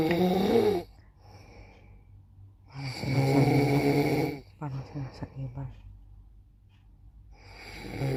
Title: just for fun! (3 voices snoring)